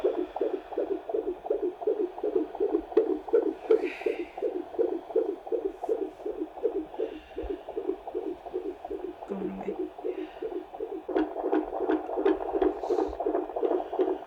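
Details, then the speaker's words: Fetal heartbeat on Doppler during labour after waters broke, contractions five minutes apart, at a midwife's house; rapid regular whooshing beats near 170/min, higher than it should be but dipping back to reasonable range; fetal tachycardia. "yeah i mean it's higher than it should be for sure but it's also making dips down into a reasonable area but we don't like it going too hard that high"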